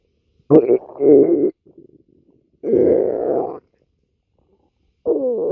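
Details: Loud gurgling, groaning stomach rumbles in irregular bursts with quiet gaps, some with a squeaky rising tone: stomach growling, or borborygmi.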